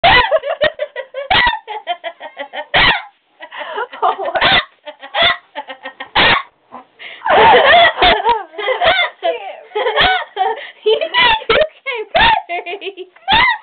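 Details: Person with hiccups while laughing, later taken to hospital for lack of oxygen: bursts of laughter broken by sharp, abrupt catches in the voice, fitting hiccups during laughter.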